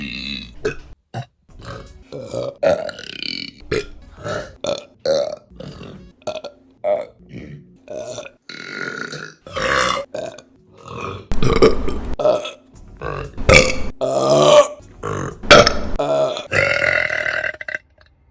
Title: Burping Compilation December #2 | RBC